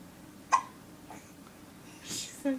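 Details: Hiccups just after waking from a nap: two brief, abrupt hiccup sounds about two seconds apart, with a breath between, in a quiet room.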